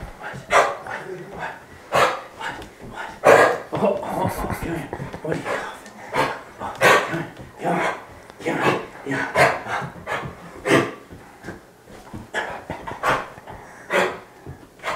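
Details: Kennel cough (infectious tracheobronchitis) in a large dog: acute-onset, repeated harsh, hacking cough when excited or moving, sounding productive, as if trying to bring something up from the throat but failing.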